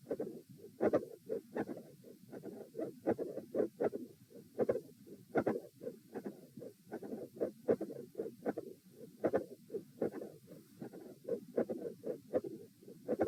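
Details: Heart auscultation stress test at position A, with the patient lying, sitting, standing and then lying again, repeated for consistency: mid-systolic click with a fixed split second heart sound.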